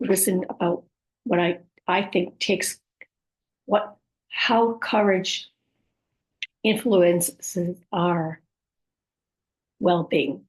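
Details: Woman with aphasia, apraxia of speech and dysarthria after a stroke: aphasia with apraxia of speech and dysarthria.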